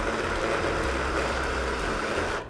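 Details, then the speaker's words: Hip replacement demonstration on a model pelvis: steady grinding drone of a powered acetabular reamer rounding the socket for the acetabular cup, starting with small sizes and increasing, then stopping. "비구 쪽 뼈를 아주 동그랗게 다듬어야 할 때 쓰는 장비입니다 자 이렇게 들어가요 사이즈가 작은 것부터 시작을 합니다"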